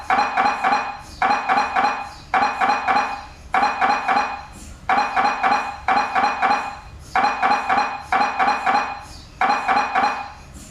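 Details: MRI scanner noise: loud, repeating bursts of rapid metallic knocking in groups of about four, with brief pauses between them.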